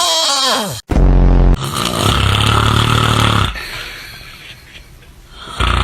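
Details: Snoring: a brief falling whistle-like tone, then a loud, low, rattling buzz on an in-breath fading into a softer breathy exhale.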